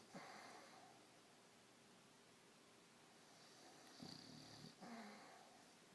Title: Snoring pup